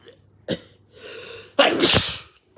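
Quick inhaled catches and a rising in-breath, then a loud explosive sneeze; a single typical sneeze.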